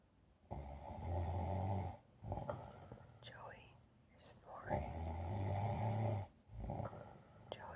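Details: Loud, low rattling snores on breaths in, with quieter breaths out between, from a sleeping adult man (husband); ordinary snoring.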